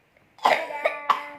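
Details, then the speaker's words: Child with ongoing cough: three short cough bursts, the first loudest; a brief cough. "Udah minum obat apa? Barusan masih batuk aja."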